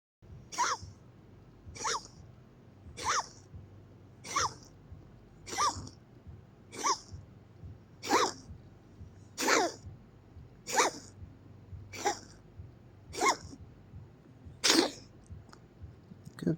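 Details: Cat episode, owner unsure whether reverse sneezing or coughing: a run of about twelve short, sharp, noisy bursts.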